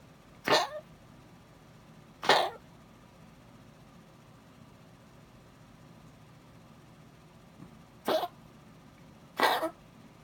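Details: A small dog coughing at night gives four short, harsh, irregularly spaced cough bursts in a quiet room; the owner says nothing is working; dog cough.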